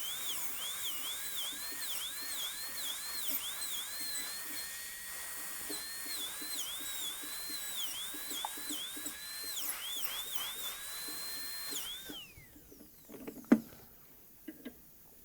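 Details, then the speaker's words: High-speed dental drill on a typodont in a dental school simulation lab, whine dipping and recovering in pitch as it cuts, then stopping with clicks, defining the buccal groove during gold onlay preparation of tooth #18. "but we do need to define this new buccal groove that's now kind of moved mesially a little bit"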